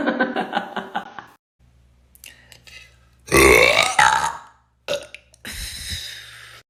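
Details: Woman producing several loud, drawn-out burps with short pauses between them, from a burping compilation: belching.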